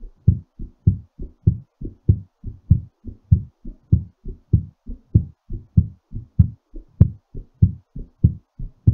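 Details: Strong, fairly regular low thumping heartbeat at about 97 beats a minute, somewhat fast during recovery after exercise; heartbeat after exercise.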